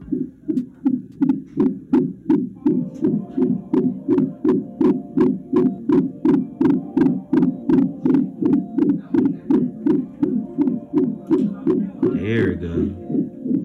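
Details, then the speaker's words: Fast, regular galloping whooshes, strong and steady, about 160 a minute, on a fetal monitor during labor after staff struggled about 15 minutes to find it; strong fetal heartbeat. "thank you she's got a strong heartbeat watch 63."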